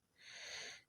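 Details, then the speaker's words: Chicken with severe cold, airway blocked so it breathes open-mouthed, eyes and face swollen and closed: a single harsh, hissing breath, labored open-mouth respiratory distress. "প্রচন্ড ঠান্ডা লাগার কারণে মুরগি গুলা হা করে নিঃশ্বাস নিচ্ছে এদের শ্বাসনালী যেটা এটা বন্ধ হয়ে গেছে যার কারণে নাক দিয়ে নিঃশ্বাস নিতে পারতেছে না হা করে নিঃশ্বাস নিচ্ছে"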